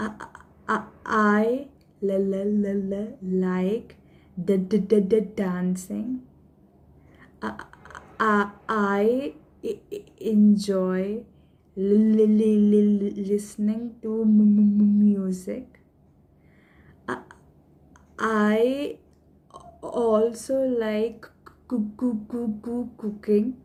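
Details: Woman who stammers, deliberately stammering during self-introduction as a management technique; voluntary stuttering.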